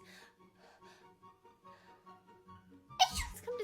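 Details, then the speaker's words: Girl's single sudden, high-pitched, squeaky sneeze after quiet background tones in a comedy short; people accuse her of faking it, she says it's her regular sneeze; sneezing. "people always tell me that it sounds like this sneeze is a little fairy or a fictional princess but I really never recognized it as being something special I mean it's just a regular sneeze to me"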